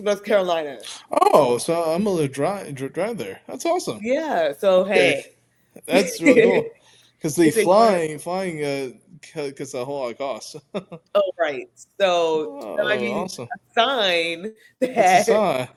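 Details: Adult man who identifies as a person who stutters, speaking spontaneously with audible word repetitions; stuttering.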